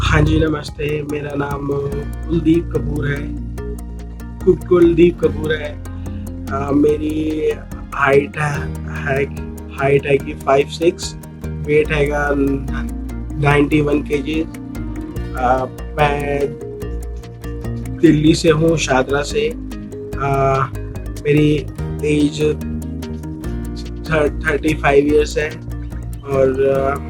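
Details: 35-year-old man who has stammered for about 22 years since childhood, beginning after imitating other children, speaking after about one month of an online stammering course, with 10–15% of the stammer reported as remaining; stuttering.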